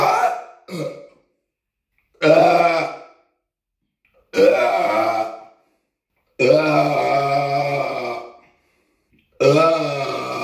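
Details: Repeated burping after drinking cheap cola: five loud, drawn-out, rumbling belches over about ten seconds with quiet gaps, recorded on a Samsung Galaxy S9 phone; burping.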